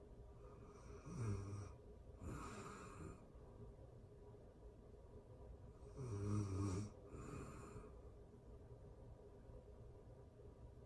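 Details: Real-time recording of a person asleep, excerpted from a longer session: soft snores on both breath in and breath out, about 12 breaths a minute, over steady background hiss; snoring.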